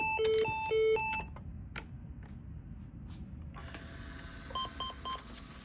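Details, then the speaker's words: LIFEPAK 15/20 defibrillator paddle check: both paddles set to 10 joules and charged, then a test shock is discharged into the machine; steady charging tones, a click, then a run of short beeps. "And there's a charge button on both of these paddles. So I'm going to charge it up. Charge it up. And then I'm going to send it down into the machine."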